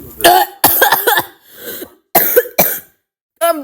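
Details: Person who is a little sick, coughing during a voice dub: several short, harsh coughs in quick bursts with brief quiet gaps, an ordinary cough during mild illness.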